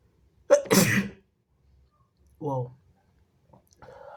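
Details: Sharp, forceful sneeze with a quick intake before it, then brief voiced sounds; strong sneeze that sprayed over the phone, followed by nose-blowing.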